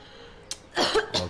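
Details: Acted cough in a Thai comedy cough-medicine advert: a brief sharp burst followed by a rough, throaty cough from an adult.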